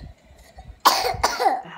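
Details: Child coughing: two short, sharp coughs after a quiet moment; plain cough.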